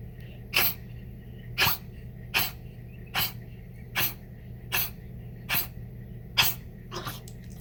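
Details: Senior Chihuahua, previously misdiagnosed a couple of times, gives a run of nine sharp, dry, hacking coughs about once a second; reflux-related cough diagnosed as acid reflux.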